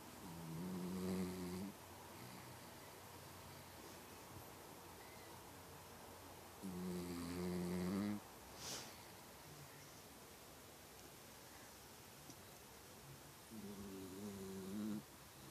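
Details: Snoring: three soft, buzzing snores about seven seconds apart, around 9 a minute, each lasting a second or so, with quiet room noise between.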